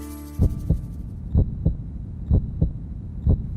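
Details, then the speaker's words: Donor human heart kept beating outside the body before transplant: regular low double thumps, about 60 a minute; heartbeat. "listening to the sound of an actual heart beating outside of a human body thanks to modern technology a doctor can now keep a donor heart beating until it's ready to be transplanted into its recipient"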